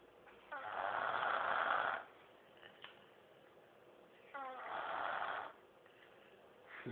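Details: 3-year-old girl snoring while asleep: two long, rough, fluttering snores on breathing in, about four seconds apart (roughly 15 breaths/min), with quiet breaths between.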